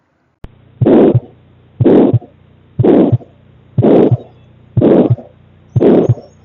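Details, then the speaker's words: Late systolic murmur of mitral valve prolapse with mitral regurgitation; regular heartbeat about 61 a minute with a harsh murmur filling late systole before the second sound. "in the mital regation late systolic murmur seen in the mital Val pryse"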